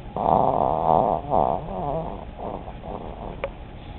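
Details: Old female chihuahua snoring and dreaming, chewing in her sleep: loud, voiced, whiny snoring with wavering pitch and soft groans, then quieter rough breaths and a small click.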